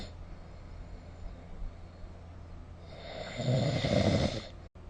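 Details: Quiet breathing, then one loud, harsh, rattling snore on an in-breath, recorded during sleep with the SnoreLab phone app; snoring.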